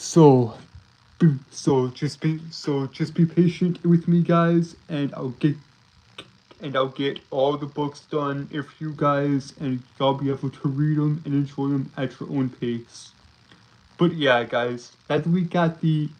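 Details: Male streamer with a self-reported speech impediment that makes him stutter and trip over his words; repeated phrases; stuttering.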